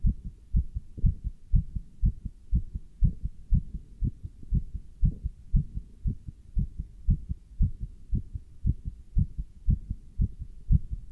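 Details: Even, regular paired heart thumps over low hum, heard through a stethoscope worn with a chest band while standing still and lifting dumbbells; normal heart sounds.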